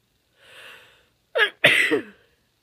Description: Strong female sneezes